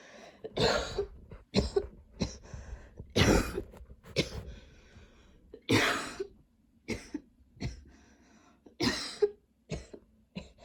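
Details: Repeated harsh coughs, about a dozen in ten seconds, some long and forceful with throat clearing, in a person with ongoing long coughing spells and a lingering throat tickle; persistent cough.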